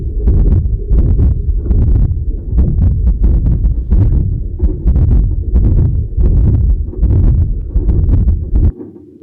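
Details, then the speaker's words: A poor-quality recording of rapid heart sounds with a noisy murmur filling both systole and diastole, from a ventricular septal defect with aortic regurgitation: to-and-fro murmur. "So basically we hear the two different components. We hear the systolic component through the VST and the diastolic component coming from the orthodic regitation."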